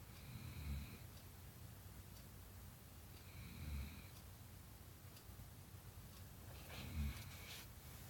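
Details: Low rumbling snores about every three seconds with faint squeaky whistles between them, over steady room hiss; ordinary snoring during sleep.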